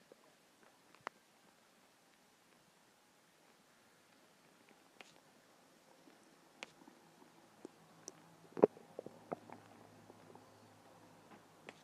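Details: Quiet, scattered gurgles and pops from a hungry stomach, growing busier toward the end; ordinary hunger growling.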